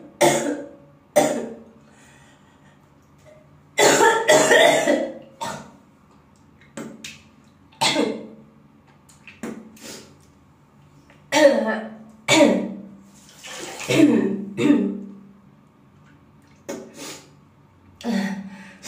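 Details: Acted sound effect of a girl coughing: repeated short coughs, singly and in small clusters.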